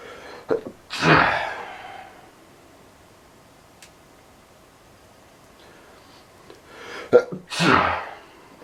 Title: POLLEN ALLERGIES PLAYING UP WITH ME CAUSING BAD SNEEZING